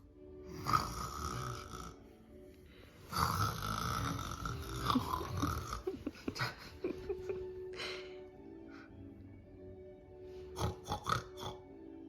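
Loud rattling snores followed by snorting, sputtering breath noises, with faint music in the background.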